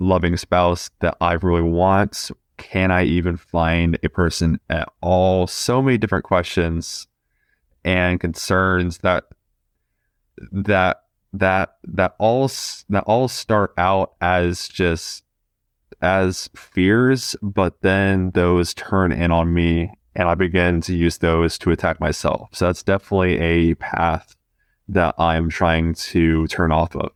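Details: Stuttering in a 20-year-old man who has stuttered since about age two; repetitions are audible in this stretch.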